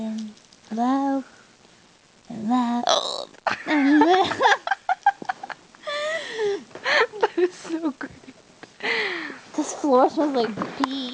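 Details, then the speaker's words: Person with loud hiccups at 5:22 a.m. while friends sing and laugh: sharp, sudden vocal hiccups among talking and giggling in a small room; repeated hiccups. "I've got the hiccups and they all they're loud and"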